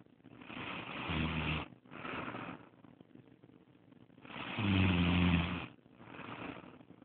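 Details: Two loud, rough snores with low fluttering on the in-breath, each followed by a quieter out-breath, about one breath every three seconds; a woman snoring who claims she does not snore.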